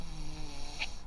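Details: Young child (Maksymilian) snoring while napping during a car ride, on a day when he had a stomach ache and vomited.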